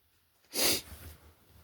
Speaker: Oh, those sneezes. Oh, they feel good.